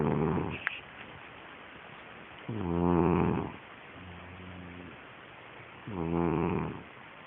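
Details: Sleeper snoring: throaty, vibrating snores with a whistling, groan-like tone, about three seconds apart, with a softer breath between.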